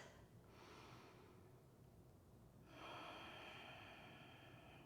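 Slow, audible airflow of deep breaths, a softer breath followed by a longer, louder one, with faint room noise: normal deep breathing.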